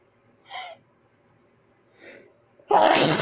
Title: Tried holding back these sneezes